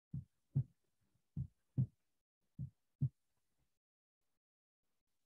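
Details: Normal heart sounds played in a veterinary physiology class: first sound (S1) slightly longer, second sound (S2) shorter and drier.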